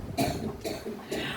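Three short, harsh bursts as an adult man clears his throat and coughs in a small room.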